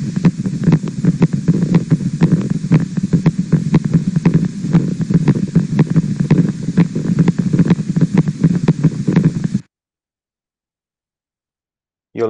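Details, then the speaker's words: Needle EMG recording from a female patient's abductor digiti minimi muscle: subtle, distant myokymic discharges, better heard than seen, with repeatedly firing doublets, triplets and a singlet. "notice that the myokymia in this muscle was more subtle and better heard than seen"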